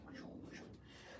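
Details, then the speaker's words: Vocal imitation of a bruit, a rhythmic whooshing heard as pulse-synchronous tinnitus, caused by accelerated flow through a narrowed vessel segment (Venturi effect), not a recorded sound. "the person might hear the sound as a pruning and they'll hear it like a whooshing sound like"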